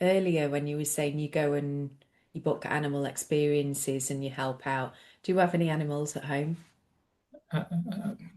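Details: Adult woman; fluent speech.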